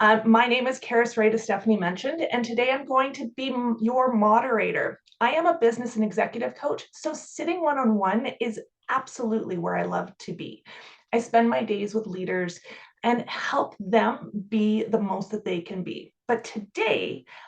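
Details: Adult female speaker; normal speech.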